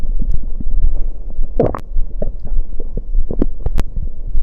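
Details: Stomach growling after drinking cider: low, irregular gurgling rumbles with a few sharper bubbling pops; ordinary borborygmi.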